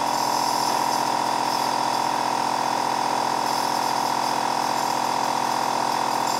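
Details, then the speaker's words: Nebuliser compressor: a steady buzzing pump hum with a fast, even pulse; this laboured compressor sound signals that the medication has finished passing through the nebuliser. "you can tell when your medication has finished going through the nebulizer by the fact that the sound of the compressor will change to a more labored sound"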